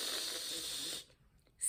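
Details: Therapist imitating a lateral lisp, with air escaping out the sides of the mouth while a straw is held to closed teeth; lateral lisp (imitated).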